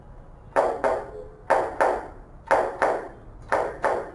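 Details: Cardiology auscultation teaching session: regular paired heart sounds, about 60 a minute, only S1 and S2 with nothing between; normal heart sounds.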